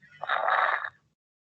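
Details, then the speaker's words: Lung auscultation teaching example: a brief burst of fine crackling late in inspiration, likened to rubbing hair or crumpling paper by the ear; inspiratory crackles. "es como si ustedes frotarán bueno los que tienen cabello en largo el cabello los frotan en en la oreja o puede ser que arrugue en un papel en la oreja y se siente así"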